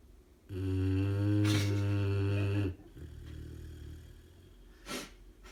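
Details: Dog asleep, habitual snorer: one long, loud, deep rumbling snore on the in-breath, followed by a quieter breath out; heavy snoring.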